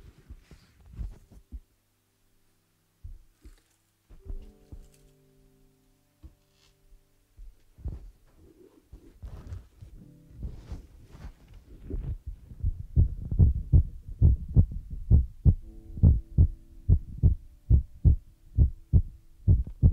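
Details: Heartbeat sound used as an ASMR relaxation trigger: rhythmic low heartbeat thumps at roughly 70 beats a minute, following soft scratching and brushing sounds.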